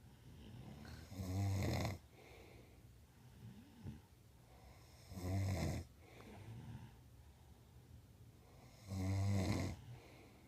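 Three loud, low rattling snores on the in-breath, roughly 15 breaths a minute, with quiet breathing between them: ordinary snoring.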